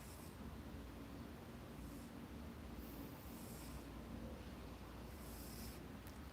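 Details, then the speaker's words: Steady low rumbling and sloshing, "like a little waterbed," from the belly of a pet named Fred as he naps and digests turkey: ordinary stomach gurgling (borborygmi). "Your stomach is churling, dude. It's working hard on that turkey? Is it feeling okay? It's working really hard."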